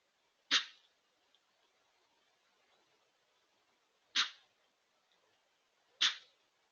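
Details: Deer giving three sharp, hissing bursts of air through the nose, forceful snorts or sneezes, during ragweed allergy season.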